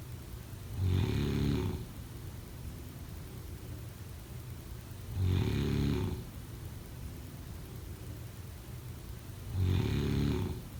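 Three low, rumbling snores at steady intervals of about 4.4 seconds, around 14 a minute. Snoring in sleep.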